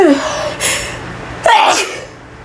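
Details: Sneezing fit in a bathroom; person says they can't stop sneezing. Two forceful sneezes in quick succession, each a sharp intake then an explosive burst.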